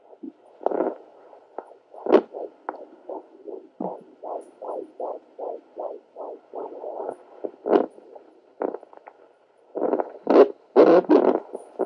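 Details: Fetal heartbeat at 14 weeks 1 day on a rented home Doppler: rapid, regular whooshing pulses, reportedly around 156–160 a minute.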